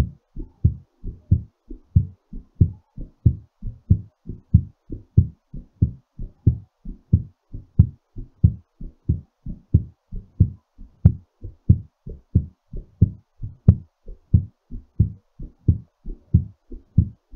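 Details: Steady, regular, slightly quick heartbeat at about 92 beats per minute during recovery after exercise; normal heartbeat.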